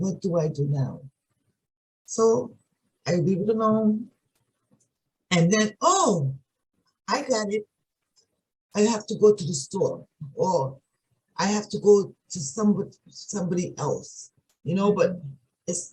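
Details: Adult woman with aphasia of sudden onset one morning about three and a half years ago, not primary progressive. Finding: aphasia.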